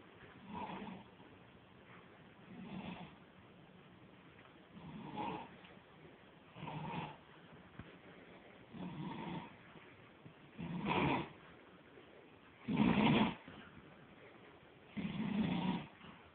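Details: Person snoring very loudly: regular snores about every two seconds, roughly 28 a minute, growing louder toward the end; heavy snoring.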